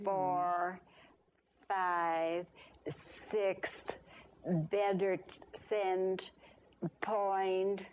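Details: Patient example of conduction aphasia, with preserved comprehension and impaired repetition, aware of errors and attempting self-correction; conduction aphasia with phonemic paraphasias.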